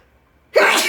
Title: 1 minute of me sneezing